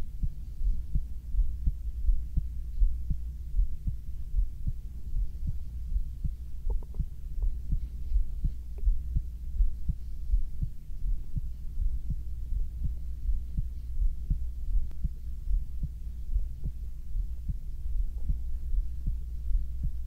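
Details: Binaural ASMR recording of a man's heartbeat: steady, soft, low thumps about 82 a minute over a faint low hum, stomach sounds possibly included; normal heartbeat.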